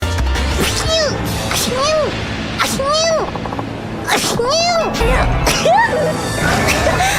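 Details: Compilation of sneezes from VTuber streams in 2025: about five quick, sharp sneezes in a row, some with a high voiced ending, over background music.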